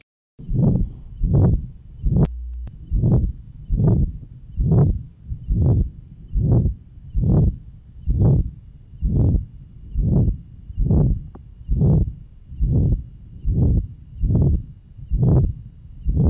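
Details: Johns Hopkins heart sound laboratory recording from 1955, pulmonic area. Pure pulmonary stenosis: regular rhythm near 70/min, each beat carrying a harsh rising-then-falling systolic murmur. Diastolic "whisp" at the third left sternal border.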